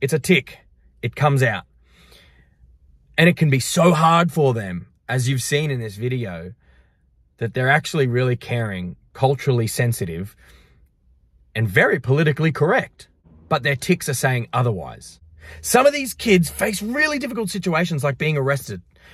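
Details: Adult speaker; typical speech.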